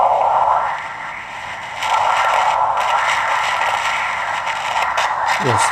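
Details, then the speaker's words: Doppler ultrasound of an arteriovenous fistula arm: venous outflow signal through the basilic vein, which divides into two. "appears that there's outflows through the basalic vein of the arm"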